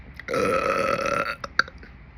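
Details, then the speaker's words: Adult woman's deliberate burp: one long, deep, voiced belch lasting about a second, followed by a short hiccup-like catch. "sound like a little hiccup attached to the burp what was that"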